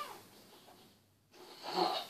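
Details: Wheezing in a 5-year-old boy with cerebral palsy, noisy breathing with a brief musical whistle on a later breath, recorded during an EFT tapping session said to ease it.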